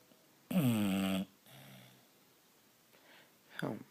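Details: A bulldog asleep on its owner while the owner reads gives a loud, groaning snore, then a softer snorting breath and a brief snort; noisy sleep breathing of a flat-faced dog; snoring.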